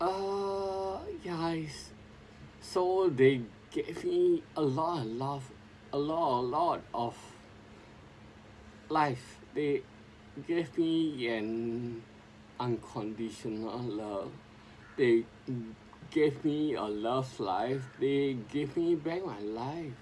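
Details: Adult man with sporadic spinocerebellar ataxia since 2002, recording speech practice as his own speech therapy; ataxic dysarthria.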